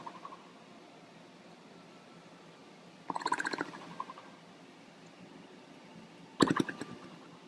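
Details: Older man napping, snoring with fluttering lips: two rattling, fluttery bursts a few seconds apart in a quiet room.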